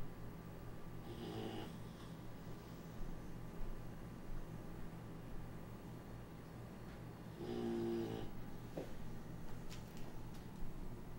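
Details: Hunting beagles napping near an AC vent: two slow, rough snoring breaths several seconds apart over a steady low room hum; dog snoring.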